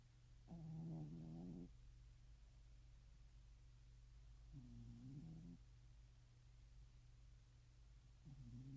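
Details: Soft, low, fluttering snores about every four seconds over a steady room hum during a nap described as a cat nap; snoring.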